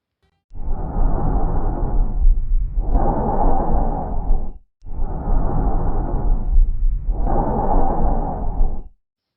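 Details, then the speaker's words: Example of a normal tracheal breath sound in a physiotherapy auscultation demonstration: harsh, loud blowing breaths with a brief pause between inspiration and a prolonged expiration. "agora vocês vão ouvir um exemplo de som traqueal o ideal que se utilize fones de ouvido"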